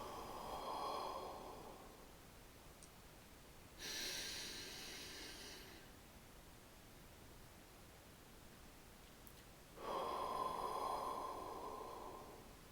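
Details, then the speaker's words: Physiotherapist-demonstrated thoracic expansion exercise within the active cycle of breathing technique (ACBT): hands on outer ribs, slow deep breath in through the nose, three-second hold, long breath out through the mouth. "next we will go to our thoracic expansion exercises hands on the outer ribs to encourage maximum expansion we complete a long breath in through the nose hold for three seconds and out through the mouth"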